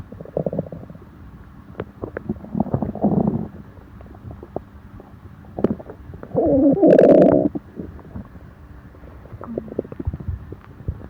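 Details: Stomach upset after eating: irregular gurgling and bubbling rumbles in bursts, with one loud, prolonged squelching growl midway; stomach growling (borborygmi).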